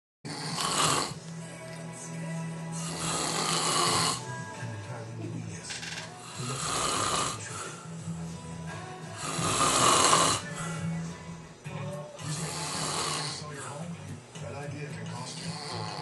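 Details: Father asleep on a night around 9 PM, snoring loudly and roughly with each in-breath, about 20 a minute, over steady background music; ordinary snoring.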